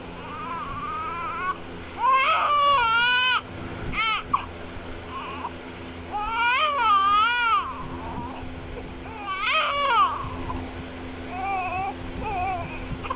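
Bursts of high-pitched wailing cries with breaths and whimpers between them; a newborn crying.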